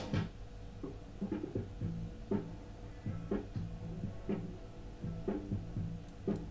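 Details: Hearing loss simulator: rock music with a sung "rainy days… dull gray day" lyric sounds muffled and dull, highs missing, simulating a moderate flat hearing loss.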